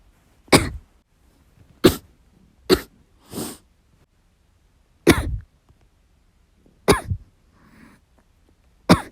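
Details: About six hard, explosive coughs with pauses between, plus a softer throat-clearing sound, from a person recuperating from illness; forceful coughing.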